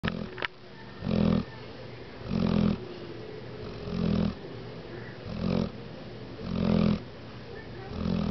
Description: My dog snoring :)